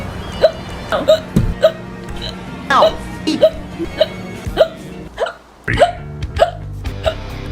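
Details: Short sharp hiccups, about a dozen in seven seconds, over background music and talk; hiccups.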